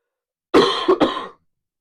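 A brief, rough cough followed by throat clearing, lasting under a second.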